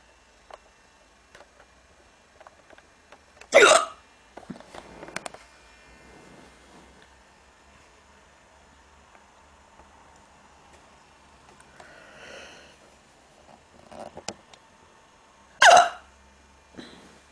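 Two sharp, abrupt hiccups about twelve seconds apart in a quiet room, with faint breathing and small noises in between.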